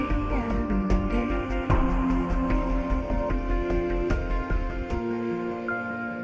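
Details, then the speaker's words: Soft instrumental music sounding dull and muffled with treble almost gone, simulating age-related hearing loss at about sixty; meant for headphones: simulated presbycusis. "commence à se dégrader et c'est irréversible la preuve écoutez ceci"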